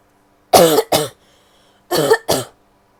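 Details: Female coughing: two pairs of short, voiced coughs, four in all, with quiet between them; an ordinary repeated cough.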